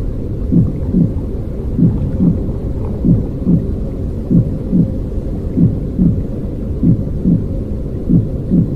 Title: ♥ 1 horas de ruido blanco para dormir bebé 👶 sonido intrauterino con latidos tranquilos